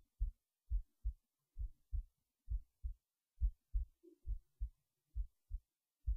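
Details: Normal heartbeat recorded late at night while resting in bed before sleep: soft, deep, steady paired thumps at about 68 beats a minute.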